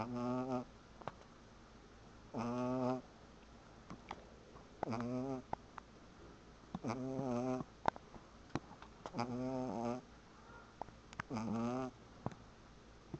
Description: Take a look at the cutest dog in the world snoring! It's so cute!